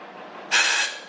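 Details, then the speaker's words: Veterinary clinic anesthesia machine used for dentals, fed from an oxygen tank through the flow meter, with an isoflurane vaporizer and a rebreathing system: a low hiss, then a sudden loud rush of gas as the oxygen flush valve is pressed. "after it goes to the flow meter we have the ability to use it in our oxygen flush valve so by pressing that"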